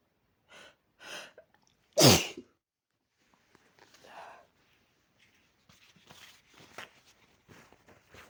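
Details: Sneezing with a cold and a very sore throat: two short in-breaths, then one loud, violent explosive sneeze, followed by quieter sniffing and breathing.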